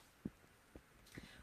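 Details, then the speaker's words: Heart auscultation with stethoscope of a healthy boy: a few soft, low thumps, normal rhythm between 60 and 100 beats a minute, no added sounds; normal heart sounds. "you had a very normal rhythm it was between 60 and 100 beats per minute and I heard a very normal rhythm"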